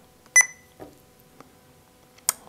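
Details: Sapphire single-channel infusion pump being programmed for a dopamine infusion, two short high electronic beeps with soft clicks between: keypad confirmation tones.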